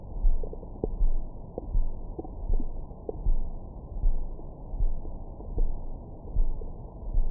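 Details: Deep, muffled rumbling with soft gurgles and faint squeaks from the belly, recorded with a Stemoscope stethoscope microphone after a large meal for ASMR: normal bowel sounds, stomach growling.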